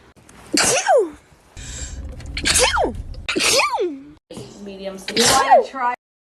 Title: sneeze compilation